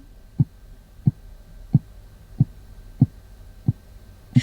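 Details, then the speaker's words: Simulated heartbeat in a children's lesson after jumping up and down 20 times: steady, regular low thumps at about 90 per minute, quickened by exercise. "और अब मैं अपने दिल की धड़कन सुन सकती हूँ। क्या मैं अपने दिल को और तेज कर सकती हूँ और आवाज भी बढ़ा सकती हूँ?"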